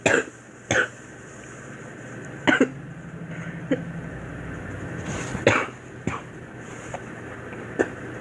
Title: Girl coughing 188